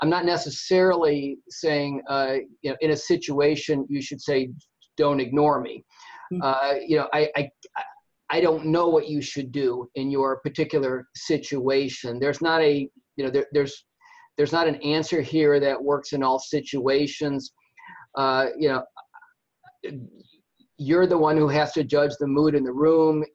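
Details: Adult who stutters, presenting a workplace self-advocacy webinar with audible part-word and word repetitions; stuttering.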